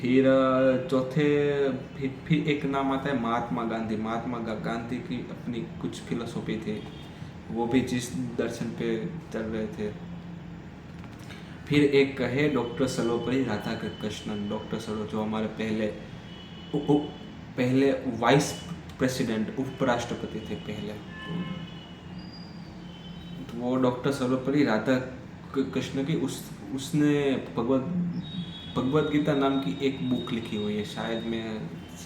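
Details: Stammering in an adult man during Hindi storytelling practice on day 7 of a daily stammering practice routine that includes breathing exercises.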